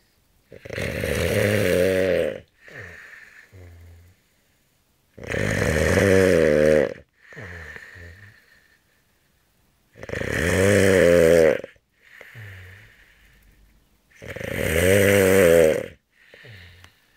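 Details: Snoring: loud rattling snores on each breath in, with quieter breaths out between them, about 13 breaths a minute.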